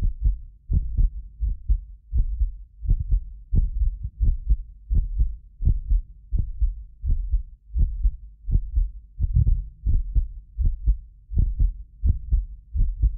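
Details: Real heartbeat of a medically fit person recorded with multiple precision contact microphones: strong low lub-dub at about 85 a minute, occasional doubled clicks from a ~6 ms inter-microphone delay, not heart disease; normal heart sounds.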